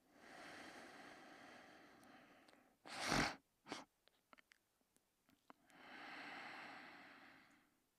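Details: Person asleep: slow, soft noisy breaths with a sharp snort in between; light snoring.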